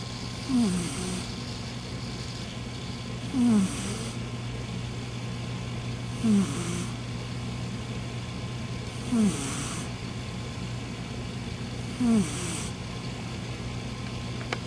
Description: Gizmo, the snoring cat. he only does this sometimes